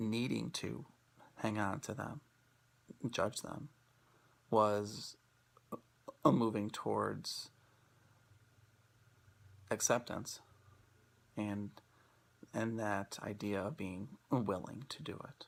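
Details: Adult male speaker; stuttering.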